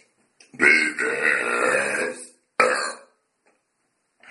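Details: Person deliberately burping on camera: one long, loud, rumbling belch lasting nearly two seconds, then a shorter second burp; repeated voluntary burping.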